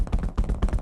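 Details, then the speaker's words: Rapid hollow rhythmic thuds of cupped-hand chest percussion below the collarbones, contrasted with a flat hand clap; chest physiotherapy with postural drainage to loosen mucus, as for COVID-19, 3–5 minutes per lobe. "And so the way you do percussion is with this hand cupped. And you're gonna hear what that sound is like, as opposed to a hand clap."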